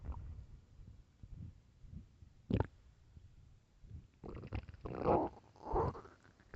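Low gurgling rumbles and irregular bubbling sounds from the belly, louder toward the end; stomach growling from hunger.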